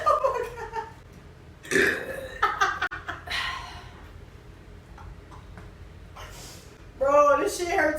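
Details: Several short, low, throaty burps between quiet pauses, with a louder voiced burst at the end, from a burping challenge; participant reports stomach pain; burping (eructation).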